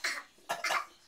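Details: A young child gives three short, harsh coughs while in a tub, in a small echoing room; an adult says "oh don't don't don't"; cough.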